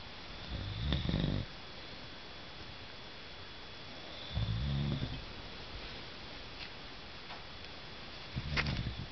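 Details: Man snoring, recorded 12/19/2008: low, rumbling snores roughly every three and a half seconds, about 17 a minute, over quiet room noise; ordinary snoring.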